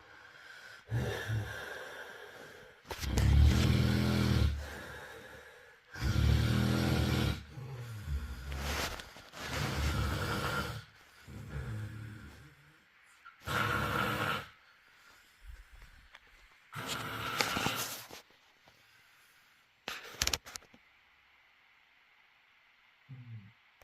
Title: Ressonar/Snoring #snoring #snoringsounds #shutup #wakeup #nocomment #ressonantes #ressonar